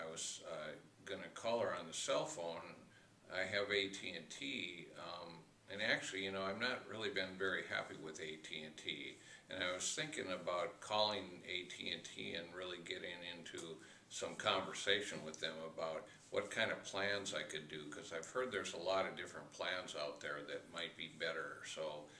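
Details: Acted client example in mental status exam training; tangential thought (tangentiality).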